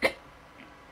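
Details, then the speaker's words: A woman with Tourette's announces she has hiccups, then a single sharp, abrupt hiccup sound at the start, followed by near silence; a typical hiccup. "guys guys i have hiccups"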